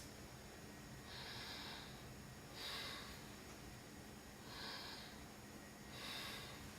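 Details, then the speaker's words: Normal bronchovesicular breath sounds from a female patient during a head-to-toe assessment. Auscultated over the posterior thorax between the scapulae during slow, deep breaths, with soft, even inhalations and exhalations. "so okay bronco vestibular sounds was heard over the um between the scapula and she"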